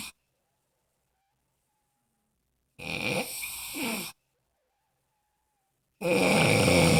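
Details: Two loud, rough, gurgling snores separated by silent gaps; snoring.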